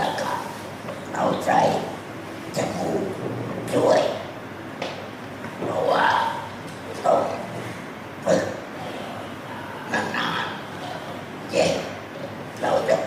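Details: Thai speaker after total laryngectomy (whole larynx removed) practising forming words once the 'a' sound is achieved; esophageal speech after total laryngectomy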